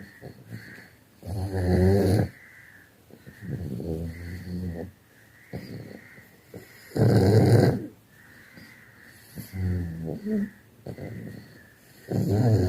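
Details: Loud, rattling snores recurring every few seconds, with quieter snorting breaths between them.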